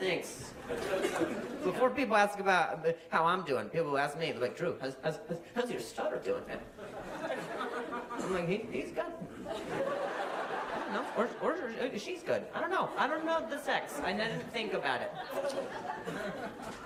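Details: Adult male comedian with acquired stuttering: no stutter since childhood, then at age 20 a softball hit his throat, causing a minor vocal contusion and a major concussion; he slept on the concussion and woke the next day stuttering.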